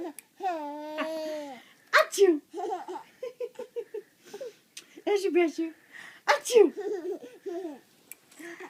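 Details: Young child laughing at mother: two short, sharp, explosive sneezes between bouts of giggling laughter; sneezing.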